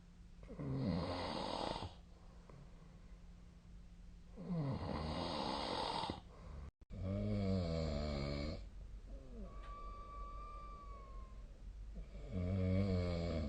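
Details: Sleep snoring recorded with the SnoreLab app: loud, rattling snores on each inhalation, roughly every five to six seconds; heavy snoring (a sneeze during sleep was also noted that night).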